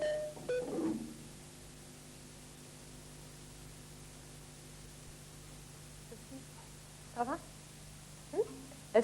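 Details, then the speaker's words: Simulation of what deaf children perceive through their hearing aids, during music, from a 1992 French television broadcast about the Deaf community. "voici une simulation de ce que ces enfants perçoivent grâce à leurs prothèses auditives"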